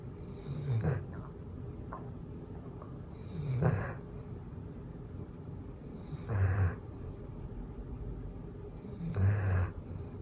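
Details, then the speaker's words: A golden retriever snoring loudly in sleep, with deep rumbling snores that have a rattling edge at about 21 a minute, described as saw-like then thunder-like; snoring. "毛姐姐的鼾声，第一种锯齿声。第二种雷声。"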